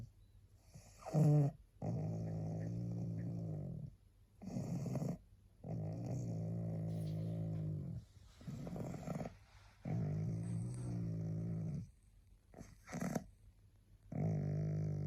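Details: Tired pug resting, barely able to hold her head up: loud, rhythmic rattling snore on each breath, about 16 breaths a minute, with quiet gaps between; snoring.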